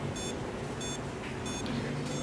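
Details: Short high beeps about every two-thirds of a second, roughly 90 a minute, from an FS20D fingertip pulse oximeter reading SpO2 100% and pulse 90, over steady room noise; pulse oximeter beep.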